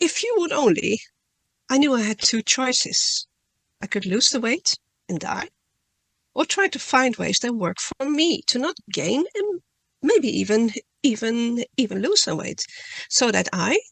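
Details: Adult woman who stutters, speaking at a stuttering conference; she reads her talk to reduce stuttering and says she stutters less the more she speaks publicly; real stuttering.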